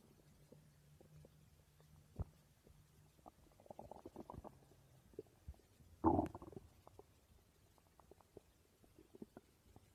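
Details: A person's stomach growling (borborygmi): low gurgling rumbles and brief squelching pops, with a louder burst of gurgling midway, over quiet background.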